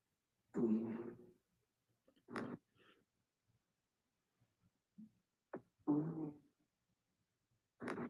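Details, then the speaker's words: A sleeping dog gives short, rough snorting bursts, about four in eight seconds: snoring. "Can you hear my dog snoring?"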